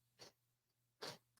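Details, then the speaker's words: Muffled sneeze with the microphone muted: two short, sharp bursts of air heard faintly over a low steady hum. "you can hear the sneeze in there all right let's move on"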